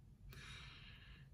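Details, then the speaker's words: Sleeping infant in a car seat snoring: a single noisy, breathy snore over a low background rumble. "is asleep but he's probably gonna wake up you can hear him snoring here in about two seconds because we stopped the"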